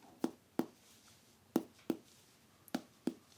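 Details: Abdominal percussion teaching demonstration in a quiet room: six short, hollow taps in quick pairs over an abdominal quadrant, giving a normal tympanic percussion note.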